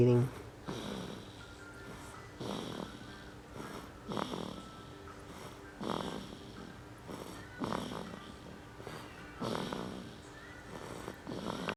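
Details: Almost 6-week-old baby boy sleeping and snoring, possibly dream-eating: soft, noisy nasal breaths with faint snoring and small snuffles, against quiet background music.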